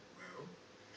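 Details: A sleeping dog gives a single soft, low, rough snore, with faint television voices in the room: snoring.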